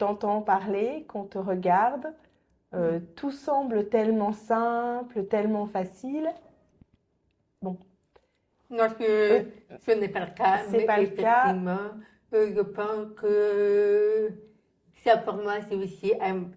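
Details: Adult French-speaking woman, profoundly deaf from birth, who relies on lip-reading and had thousands of hours of speech therapy; she says people only began to understand her speech at age 12; deaf speech.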